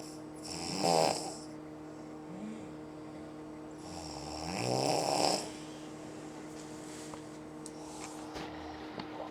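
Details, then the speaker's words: Adult woman (mother-in-law) snoring at 5:05 while on vacation: two loud, rough, vibrating snores about four seconds apart over steady room hum, keeping others awake. "My boys are sleeping, but I can't sleep because of this racket."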